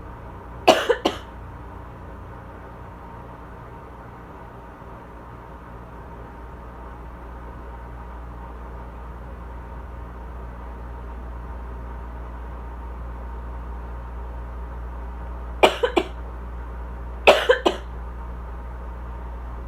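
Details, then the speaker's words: Asthmatic during southern spring allergies, cough shifting from dry to congested that doesn't clear, with sneezing and watering eyes: three short, fairly dry cough bursts, one single and a close pair; asthma cough. "My problem is that it'll go from pretty dry to like kind of congested, but like the congestion doesn't like move, like it doesn't like, I don't know, like it doesn't like clear itself or anything."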